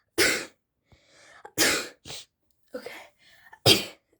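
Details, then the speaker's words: Three loud, explosive sneezes with quieter breaths and small noises between them, induced by sneezing powder; sneezing. "my sisters are sneezing on the background okay but we gonna get started um let's go let's start the sneezing powder let's test it"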